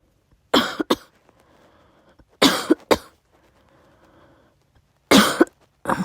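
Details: Adult on day 4 after testing positive for COVID-19: three bouts of paired, forceful coughs with quiet breathing between bouts.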